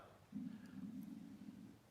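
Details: Adult's stomach heard audibly during a podcast recording, speaker remarks on it: low, drawn-out rumbling growl about a second and a half in a quiet room; ordinary borborygmi.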